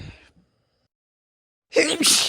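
A loud explosive sneeze with a gasping onset after a short silence, from someone recovering from a cold.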